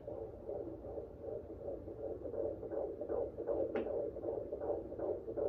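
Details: An at-home fetal Doppler picks up rapid, regular whooshing pulses of the fetal heartbeat, roughly 145 to 150 beats a minute.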